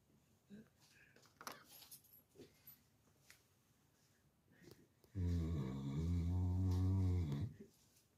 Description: Sleeping dog snoring so loud turn your car speakers on LOL